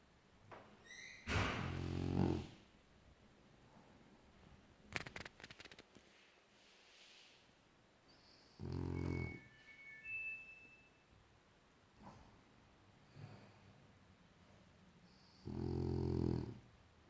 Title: BiBi french Bulldog snoring